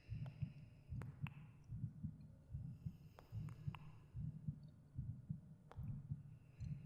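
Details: The creator's own heartbeat recorded for a binaural ASMR meditation: soft, steady low thumps about 74 per minute with faint breathing and gentle cave echo effects; a normal heartbeat.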